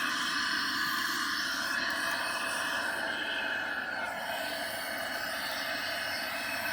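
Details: CPAP demonstration: steady loud rushing hiss of continuous oxygen flow through a CPAP mask; the flow rate, here about 8 litres, sets the PEEP.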